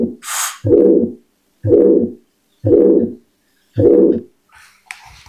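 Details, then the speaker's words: Heart murmur through a stethoscope: four rhythmic, drawn-out whooshing sounds about one per second from turbulent flow. "Eso es cuando un tubo estrecho aquí, eh cuando por un tubo estrecho eh pasa al aire, pues pasa pasa pasa eso. Es decir, que hay como un soplo."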